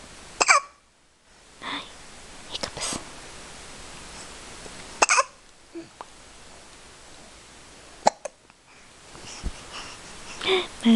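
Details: A baby with hiccups makes several sharp, brief catches spaced a few seconds apart over room noise; infant hiccups.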